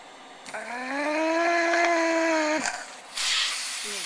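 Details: Mechanical cough assist (insufflation-exsufflation) through a tracheostomy after saline drops instilled into the trach; a sustained rising whining tone cuts off abruptly, then a brief airy hiss; ventilator reconnected, secretions seen in tubing.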